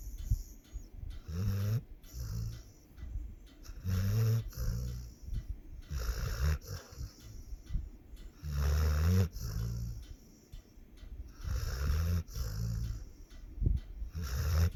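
Repeated low, rattling snorts with each breath, in and out, about 14 breaths a minute; dog snoring.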